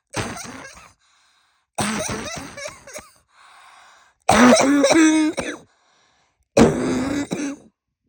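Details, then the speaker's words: Adult woman with a bad cold, performed up-close coughing: four close-up, voiced, throaty cough bursts. "I know I'm still sick with this off you want some of it too come closer"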